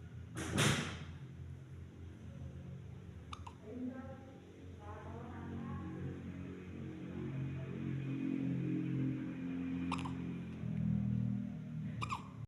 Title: My 1.7kg Preemie Girl's First Hiccups at 15 Days Old #cutebaby #babygirl